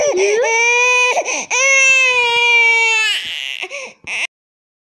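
Loud, sustained wailing cries from an infant with brief catches of breath between them: an intense, angry-sounding baby cry.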